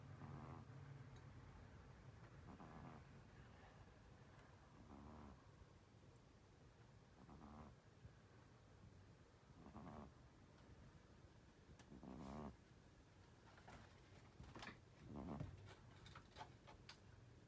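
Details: Snoring in a sleeping 10-year-old Russian Blue cat taking a nap: repeated rough, rattling bursts, about eight breaths in seventeen seconds.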